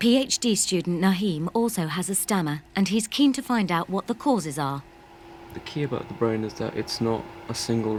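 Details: Adult speakers, a woman narrating and then a man; normal fluent speech.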